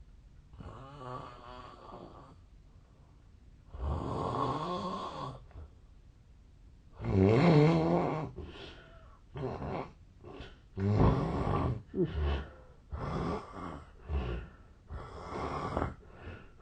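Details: Real sleep audio recorded 8 years earlier, when the snorer was thinner and suspects a long-standing sleep disorder: loud, irregular rattling snores with snorting breaths, roughly 17 a minute; heavy snoring.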